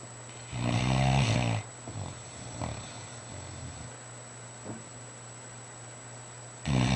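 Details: Fila Brasileiro mastiff sleeping in bed: deep, rumbling snores with softer snuffling breaths between; ordinary dog snoring.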